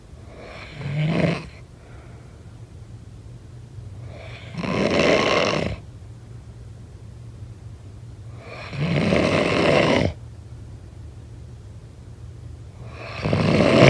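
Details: Loud, rough snores on each breath during sleep, about 14 a minute, with quiet gaps and steady low room hum; snoring.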